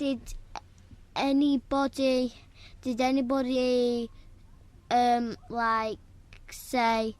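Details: Stammer in one of two brothers who both stammer, with phrase repetitions.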